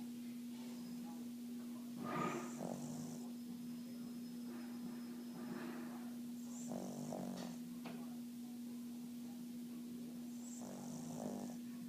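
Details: Snoring during sleep: slow, rattling breaths every few seconds over a steady electrical hum, probably a sleeping dog.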